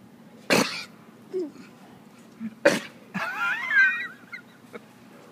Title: Sneezing sheep